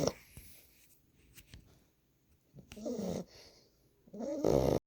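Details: 9-week-old boxer puppy sleeping on a lap, snoring: soft, irregular snuffling snorts, louder toward the end.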